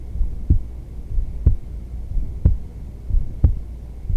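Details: Adult female heartbeat: steady, soft low thumps at about 60 beats a minute over a faint hum; normal resting heartbeat.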